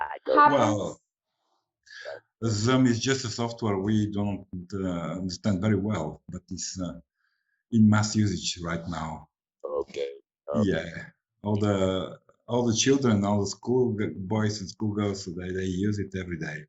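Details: Adult male speaker; normal speech.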